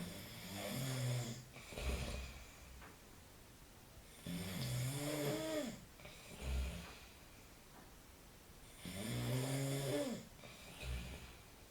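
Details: Real snoring of a man asleep at night: loud rattling snores on each breath in, about 14 breaths a minute, with softer snorting breaths out.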